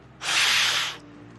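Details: Capsule dry powder inhaler use.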